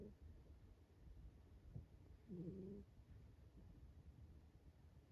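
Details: Cat snoring daintily during a nap: soft, low rumbling breath noise with a brief faint whistling note midway.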